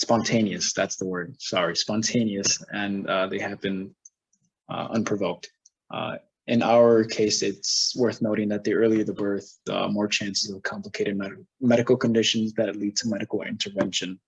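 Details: Adult male presenter; normal speech.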